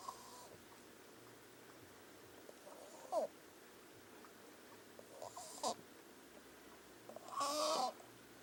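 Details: Three brief, high, whistling squeaks over a quiet room hum, fitting wheezing in an animal.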